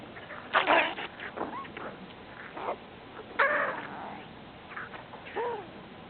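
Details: Irregular gurgling and squeaky rumbling from the belly of a sleeping 12-year-old Golden Retriever; loud bowel sounds (borborygmi), owner suspects indigestion.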